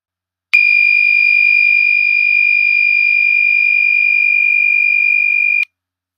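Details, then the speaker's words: HeartMate II LVAD system controller: a continuous, steady high-pitched tone of about five seconds, the driveline disconnected hazard alarm, meaning the driveline is not properly connected and the pump has stopped. "drive line disconnected alarm what you see and hear this alarm is indicated by pump running symbol is off-black connect drive line appears on the user interface screen flashing red heart warning light on the user interface flashing red light adjacent to the drive line connection constant audio tone"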